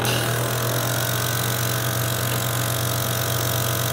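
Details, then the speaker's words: Portable suction unit switched on during EMT airway-management skills training, suction verified at 200 mmHg before a Yankauer tip is inserted: a steady, loud motor drone with a low hum. "Turn your power on, applude the suction, and verify that you have 200 mm of mercury of suction"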